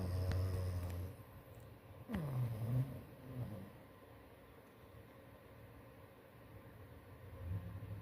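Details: Sleeping soundly and snoring.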